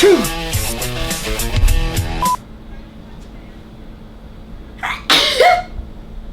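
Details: Person deliberately sneezing for a girl with a rare metabolic disorder after sniffing black pepper: music ends, then a short indrawn breath and one sharp explosive burst; a single sneeze.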